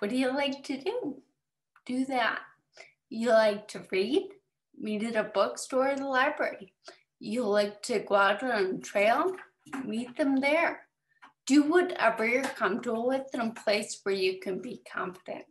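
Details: 30-year-old woman with autosomal recessive cerebellar ataxia type 1 (ARCA1), diagnosed at 25, with imbalance; ataxic dysarthria.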